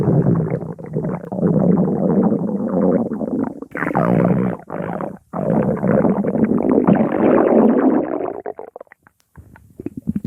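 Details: Stomach growling: loud, rolling, gurgling rumbles running almost continuously with a few short breaks; borborygmi.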